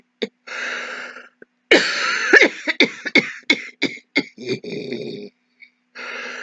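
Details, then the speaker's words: Acted demonstration by an adult: repeated, harsh hacking coughs, a continuous ongoing cough presented as possibly signalling COVID-19. "so we want to just recap again you've got a tickle again got a car and then we've got the continuous cough the hacking cough the ongoing the going on and"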